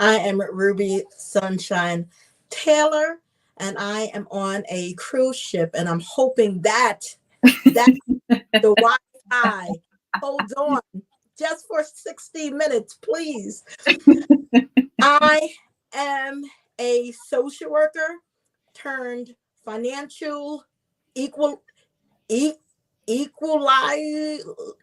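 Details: Adult woman, self-identified stutterer who reports getting stuck on words; sound repetition heard ("equal e equal"); stuttering.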